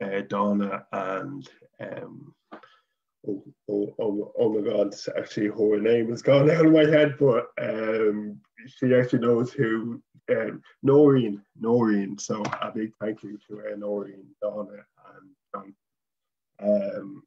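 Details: Adult man from Dublin, Ireland, a person who stutters and a former stammering association chairman and support group facilitator; stuttering.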